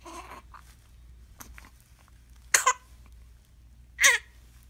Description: This video features a 15 day old infant boy suffering from a brief period hiccups.